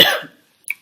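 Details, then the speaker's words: Single harsh cough burst fading within a third of a second, then a faint sound, from an adult with lingering bronchitis that began the previous week. "sachant que je traîne encore un vieux fond de bronchite de la semaine dernière qui ne veut pas partir, donc c'est un peu pénible, on va pas se le cacher."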